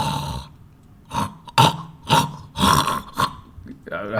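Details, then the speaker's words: An adult imitates harsh, rough, gurgling inspiratory snorts and choking gasps, snoring caused by airway obstruction between the nose tip and vocal cords; imitated obstructive sleep apnea snoring and choking. "Pero entonces el ronquido típicamente es inspiratorio y se debe que a que hay una obstrucción en la vía respiratoria entre la punta de la nariz y las cuerdas vocales"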